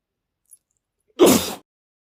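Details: Adult male sneezing after pepper got into his nose while preparing lunch: a faint breath in, then one sudden, forceful sneeze burst; a single sneeze.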